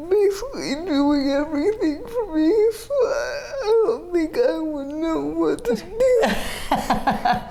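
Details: 30-year-old woman with GMFCS Level 4 cerebral palsy, quadriplegia with an athetoid component affecting arms, legs and trunk; uses a power wheelchair, repeated eye and hip orthopedic surgeries; dysarthria (athetoid cerebral palsy).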